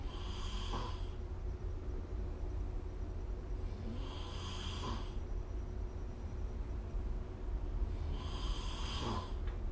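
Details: Snoring recorded with the SnoreLab smartphone app during sleep: three rough breathing noises about four seconds apart, roughly 15 breaths a minute, over steady low room hum.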